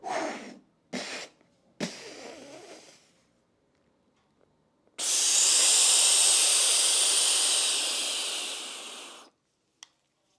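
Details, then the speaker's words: Asthma inhaler used by a 43-year-old woman with asthma who cycles: a few breaths out, a sharp click, then a long steady hissing breath in to fill the lungs. "é exatamente isso parte aqui um clique e depois simplesmente é uma coisa extremamente sempre quer inspirar tudo que vocês têm no pulmão"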